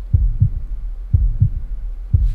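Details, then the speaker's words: Stethoscope over the aortic valve area, right parasternal second–third intercostal space, of the speaker's own chest: steady lub-dub at about 60 beats a minute, normal heart sounds. "as that aortic valve opens and closes that's oxygenated blood flowing through it to the rest of my body in the systemic circulation"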